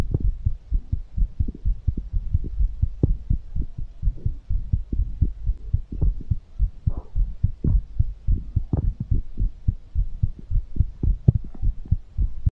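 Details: Fast heartbeat after exercise, recorded for ASMR: rapid, steady low heartbeat thumps.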